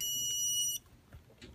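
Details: A single short, high electronic beep from a dental curing light for composites during a test of its output with a light sensor, comparing cheap eBay lights with premium units (Demi Plus with turbo tip, Valo); curing light beep.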